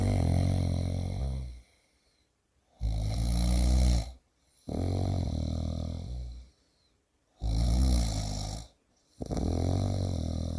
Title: Sleeping and snoring at work #comedy #shorts #Lesson #FunnyVids #viral